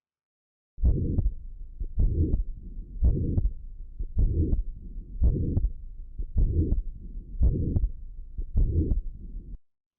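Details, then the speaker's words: Regular heartbeat near 55 a minute, each beat followed by a harsh, even murmur filling all of systole: pansystolic regurgitant murmur of a perimembranous ventricular septal defect. "En función de la duración del soplo o de dónde se localice dentro de la sístole, lo llamaremos pansistólico, toda la sístole, protosistólico al inicio o telesistólico al final de la sístole. Se dan solo en tres situaciones: comunicación interventricular, insuficiencia mitral e insuficiencia tricuspidia."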